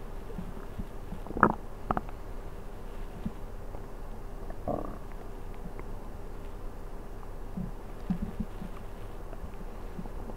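Low, irregular gurgles and rumbles against steady background hiss: ordinary stomach growling on an empty stomach.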